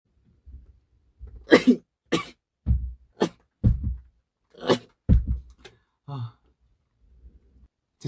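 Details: Compilation of male sneezes from a K-pop group: about eight short, sharp explosive bursts, sneezes and coughs strung together.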